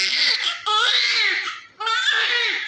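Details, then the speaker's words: Healthy newborn male after delivery, cleaned with vernix removed, reported with no murmur and no respiratory distress: a loud, vigorous, energetic cry in strong bursts with a brief pause; normal newborn cry. "this baby is so energetic you also listen the Great Sound of crying this is the symbols of a good baby"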